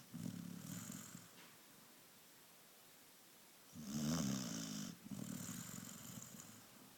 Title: My springer snoring